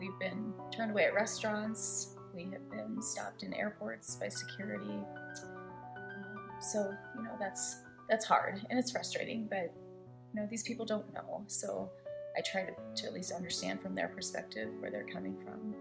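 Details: Adult woman speaking; Normal speech.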